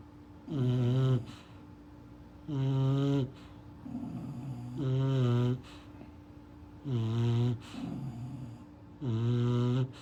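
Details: Sleeping English bulldog puppy snoring: loud rattling snores with each breath, about 29 a minute, with quieter exhalations between.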